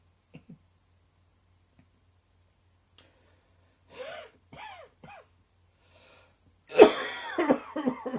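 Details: Sudden dry summer cough that became slightly wetter towards the end; adult gives a few short, dry coughs, then a louder, harsher cough with throaty voiced sounds.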